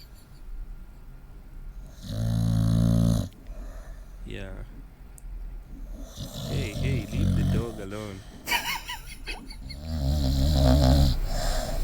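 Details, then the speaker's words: Loud, deep, rattling snores from a sleeping dog while people talk in the background and one person smacks and disturbs the dog; snoring. "this is another funny video for the dog sleeping and snoring loud yeah as you as you can see the dog is enjoying the sleep"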